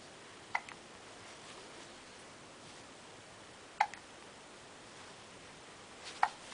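Three brief, sharp hiccup sounds about three seconds apart in a quiet room; ordinary hiccups.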